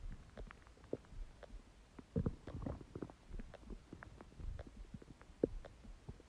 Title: Empty stomach growling sound | My Stomach Makes Noises